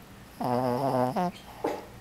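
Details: Snoring during sleep: a loud, low, vibrating rasp on breathing followed by a shorter one, from airway flutter.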